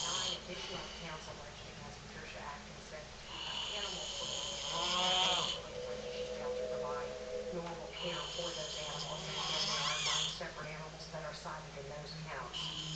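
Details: Adult man (a dad) snoring: loud, rough, rattling snores on slow breaths during sleep, about twelve a minute, over steady room noise.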